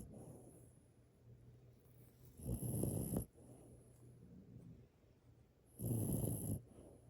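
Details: Sleeping dog: soft, rumbling snores on two breaths with quiet breathing between; ordinary snoring.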